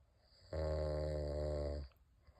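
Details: Husband snoring loudly at a lake, 8:38 am: a single loud, steady, buzzing snore held over a second, deep and vibrating, then quiet.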